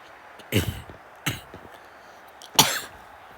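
Three short, sharp cough bursts over a few seconds, with faint room noise between them.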